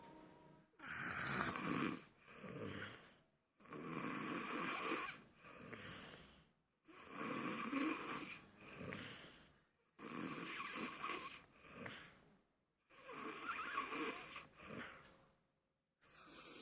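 Loud, rough snoring on each breath, about 20 breaths a minute, steady rhythm with brief pauses between breaths.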